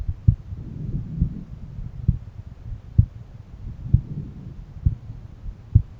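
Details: Own heartbeat auscultated at different valve areas: steady low heart thumps through a stethoscope, about 67 beats per minute, with soft rumbling between.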